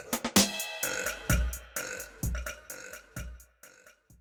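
A rapid series of loud, deep burps, roughly one a second, over background music.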